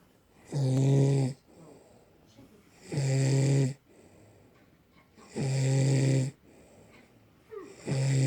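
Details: A sleeping woman who claims she doesn't snore at all gives loud, regular, rattling snores with quiet gaps, about 24 a minute: snoring.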